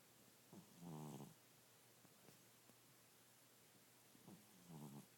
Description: Gozer the Bengal cat Snoring during a nap.